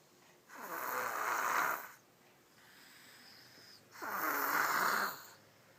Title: snoring